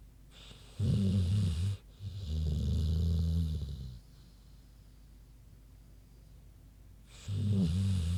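Deep, rumbling snores on the in-breath, a pause of a few seconds, then the next snore begins. A sleeping pig snoring.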